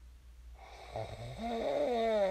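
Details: Real sleep snoring of a person who snored and then woke up: one snore starting as a low flutter, turning into a drawn-out, tonal, almost groaning sound before stopping.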